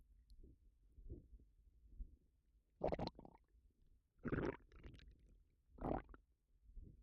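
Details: Bloated, upset stomach: gurgling, rumbling bowel sounds in irregular bursts over several seconds, with burping also reported; stomach rumbling (borborygmi).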